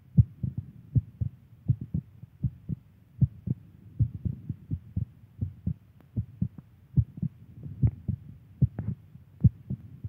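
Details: A girlfriend's heartbeat: low, steady paired thumps at about 77 beats a minute, a regular, ordinary heartbeat.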